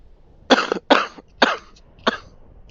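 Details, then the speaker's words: Ill adult with a cough that began several nights earlier, worsened and kept them awake, needing cough syrup: four short, harsh, closely spaced cough bursts in a quiet room. "Pardon me. I'm sorry. After this recording, I'll have to get some cough syrup, I think."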